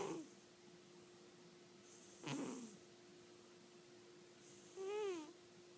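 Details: Snoring from a person.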